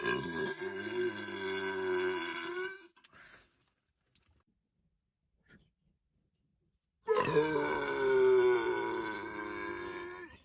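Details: Loud burping: two long, deep, voiced belches with a quiet gap between them.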